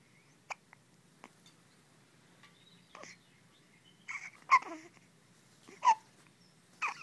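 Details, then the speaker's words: Newborn baby girl hiccuping: several short, abrupt hiccups, some with small vocal catches, irregularly spaced, while also passing stool; ordinary harmless newborn hiccups. "Baby hiccups. Oh, goodness. Oh. Oh, yeah. Hiccups on one end and then poops on the other."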